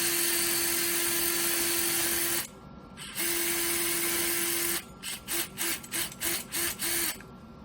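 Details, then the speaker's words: Surgical power drill whine in long runs, then a pause, another long run and short bursts: drilling a second tunnel anterior to posterior across the fibula during acute lateral collateral ligament (LCL) repair with suture augmentation, knee, lateral approach, simulated avulsion injury. "Next, we're drilling a second tunnel more approximately from anterior to posterior across the fibula."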